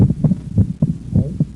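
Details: Physiological splitting of the second heart sound: heart sounds with S1–S2 on expiration and S1–A2–P2 on inspiration, the split from delayed pulmonic closure as more blood enters the right ventricle.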